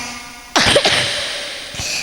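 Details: A single loud, harsh cough with a short follow-on burst from a child giving a spirited religious sermon, heard against room echo.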